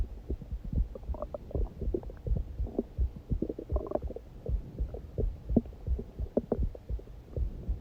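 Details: Hunger stomach growling recorded during a heartbeat recording: low gurgling and bubbling bowel sounds over soft thudding heartbeats.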